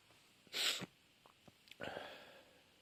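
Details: Sneezing fit: two sharp, forceful sneezes in quick succession with brief sniffs between.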